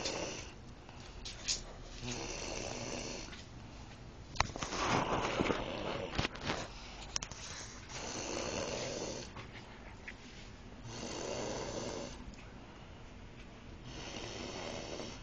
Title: Oh yes, you don't snore baby! :)